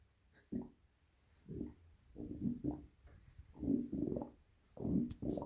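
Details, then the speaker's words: Adult on the second day of a 2-day fast voluntarily pushing the abdomen in and out, first time able to: low gurgling, croaking rumbles in irregular bursts from the abdomen; voluntarily produced stomach rumbling (borborygmi). "Just pushing in and out my abdomen. It's making all this internal noise."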